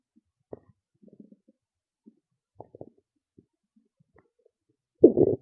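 Scattered soft gurgles and bubbling, ending in a louder rumbling growl; ordinary bowel sounds of a stomach growling.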